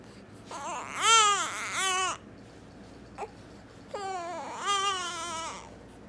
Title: Baby sneezing and crying